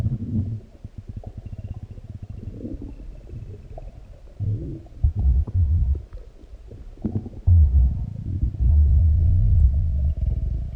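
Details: Deep, continuous low stomach growls and gurgles with bubbling pulses after a large meal; active bowel sounds (borborygmi), normal finding.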